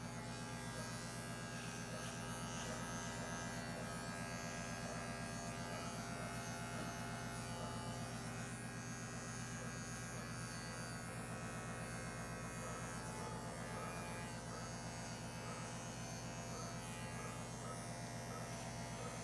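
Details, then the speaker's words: Steady electric buzzing with faint music: clippers preparing the surgical site on an anesthetized, intubated 17-month-old intact male Labrador Retriever mix before a prescrotal-incision neuter, with the scrotum left unshaved. "dr. Jagger's gonna use a priest horrible incision so I'm not going to shave this actual scrotum just to avoid irritation"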